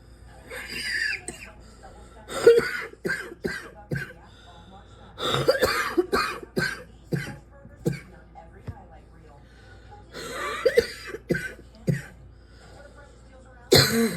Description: these fits though…literally just sitting here coughing and coughing and coughing some more.